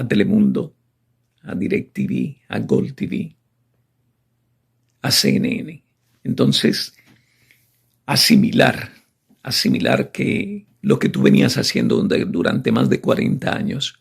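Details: Adult woman with spasmodic dysphonia, a neurological condition, treated with botox; last injection five months earlier in August, so she says this is her voice without botox; spasmodic dysphonia.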